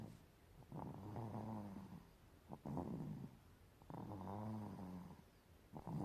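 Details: Sleeping baby snoring: slow, rhythmic, rumbling breaths with a buzzy quality on each breath.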